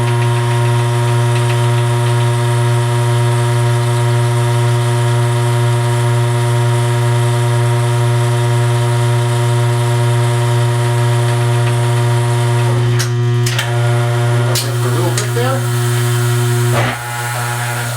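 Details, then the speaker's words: Loud steady low buzzing hum of a dental lab vibrator running, with brief clatter near the end, while the dental stone is mixed in the vacuum mixer for 30 seconds before the cast is poured into an alginate impression. "we will then take it to the vacuum mixer here and we'll let that go for 30 seconds during which time I will turn the vibrator"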